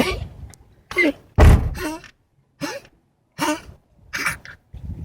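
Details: Female dog Matilda coughing: a series of short, harsh, honking cough bursts with brief pauses between them.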